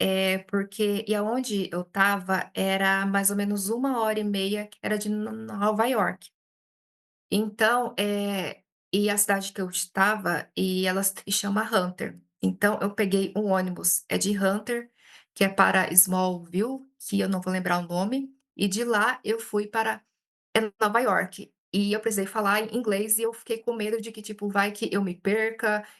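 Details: Adult woman who stutters, speaking Portuguese and self-describing her stuttering as blocks; stuttering.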